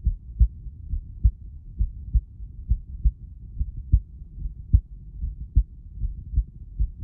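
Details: Regular deep paired thumps at about 73 beats a minute; a recorded heartbeat, possibly processed to make it sound better.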